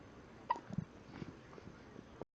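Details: A quiet room with one or two brief, abrupt catch sounds, consistent with hiccups.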